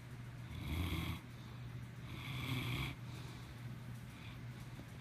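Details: Loud snoring: two long, low rumbling breaths in a row with a quieter rattle between them, the steady vibrating noise of snoring.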